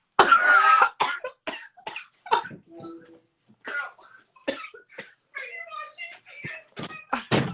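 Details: A woman has a coughing fit she cannot control: a loud opening cough, then a run of short, irregular cough bursts with voiced catches.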